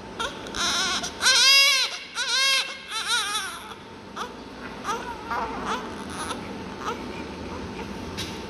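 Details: Twin newborns born at the same time to the same mother, around suctioning: high-pitched, wavering cries in short bursts, then softer whimpers over room noise; normal newborn crying.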